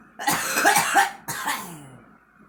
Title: girl coughing